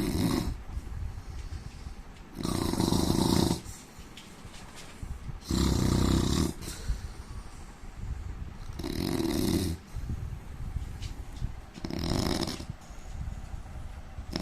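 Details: An Indian man snoring loudly: rough snores recur about every three seconds, each a low rattling inhalation, roughly 20 a minute, with quieter breathing between them.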